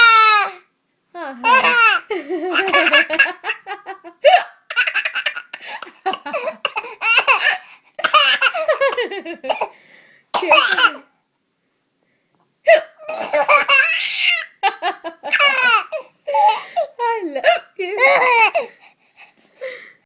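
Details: Baby boy laughing in repeated bursts at his mother's hiccups, broken by sudden short catches in the voice; hiccups interrupting laughter.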